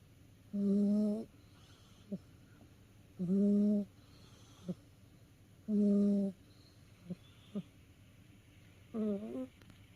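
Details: Short, buzzing, humming snores about 24 a minute with faint clicks between, from a house cat asleep after tiring itself out playing; snoring.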